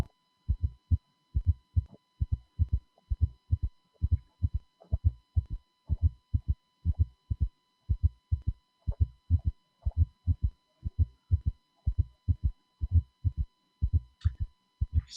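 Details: Teaching recording of regular heart cycles, some with an extra fourth sound before the first sound and a third sound after the second. Quadruple gallop rhythm (S3 and S4).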